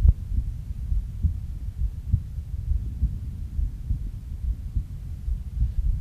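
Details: Low, steady heart sounds at about 68 beats a minute, heard at Erb's point, with a prominent second sound.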